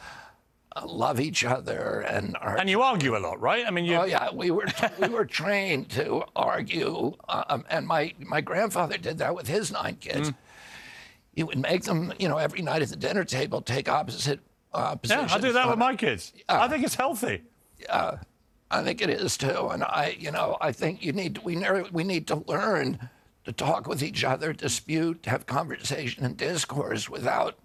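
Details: Adult man, spasmodic dystonia, a neurological disorder, onset at 42 after a 1996 injury; nerve signals tighten strong vocal cords constantly; Kyoto surgery about eight months earlier made voice more reliable; now doing alternative therapies; says voice strengthens with use.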